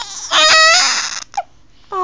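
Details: Infant with hiccups crying: a short, high wailing cry breaks off with a catch, and a new cry starts at the end.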